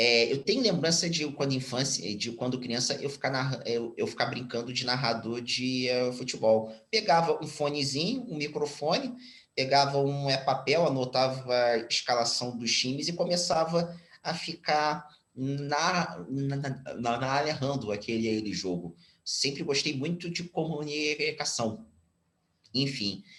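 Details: Stuttering in a 34-year-old man whose stuttering was more severe in childhood and is now mild.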